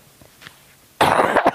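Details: Elderly woman (grandmother) says her cough is from medication, recovering from a recent illness; a single loud, forceful cough burst after a quiet moment in a room. Cough.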